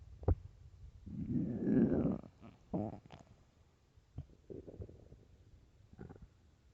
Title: empty stomach growls